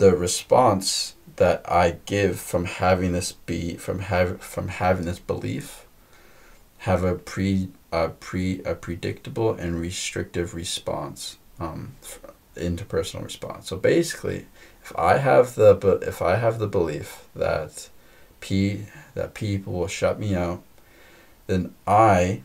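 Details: Woman who stutters, in a podcast conversation about stuttering, stuttering more than usual, with repetitions of words and part-words; stuttering.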